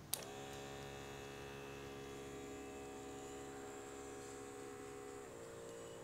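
A click, then a steady motor hum that drops slightly in pitch near the end, as an automatic blood pressure cuff inflates.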